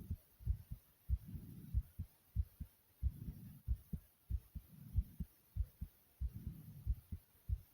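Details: Fast, pounding heartbeat (tachycardia): strong low thumping beats at about 94 a minute, with a soft low whooshing between some beats.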